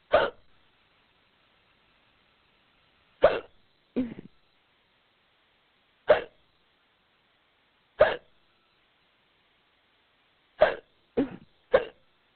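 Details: Woman voicing a fictional role-play audio with a powerful case of hiccups, possibly brought on on purpose: eight short, abrupt gulping hiccups at uneven one-to-three-second gaps over twelve seconds.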